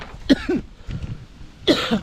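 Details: Two short, forceful, deliberate coughs from an adult, produced on request in a clinic coughing zone where patients cough to produce sputum for lab examination: voluntary coughing.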